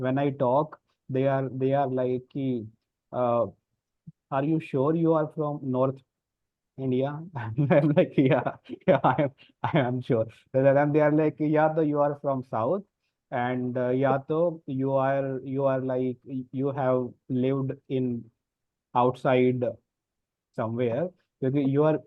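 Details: Adult man who stammers, speaking in a group practice session on disclosing stammering; stuttering.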